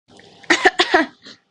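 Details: Girl who says she is actually sick coughing while recording a comedy skit: cough.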